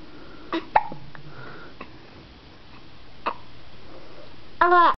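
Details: Hiccups (recorded November 17, 2007): a few short, abrupt hiccup sounds, then a brief voiced cry or whine at the end.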